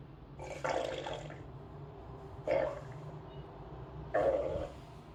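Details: Three watery, gurgling rumbles over a few seconds: ordinary stomach rumbling (borborygmi) from gas and fluid moving through the gut.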